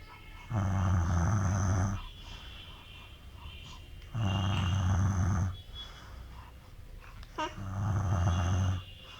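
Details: Tired father sleeping beside his 6-month-old baby: three loud, low, rumbling snores on inhalation, about 17 a minute, with quieter breathing between.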